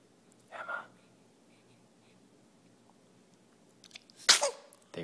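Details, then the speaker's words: A single sharp, explosive sneeze near the end of a quiet recording, made in the afternoon just after a feeding; sneezing. "that sneeze bless you"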